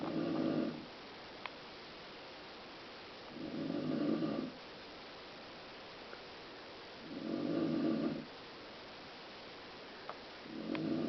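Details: Adult woman (a mother) snoring in sleep: rhythmic, rough snores about every four seconds, roughly 18 breaths a minute, with quiet exhalations between; ordinary snoring.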